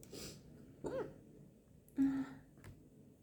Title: Woman hiccups after lunch . #hiccups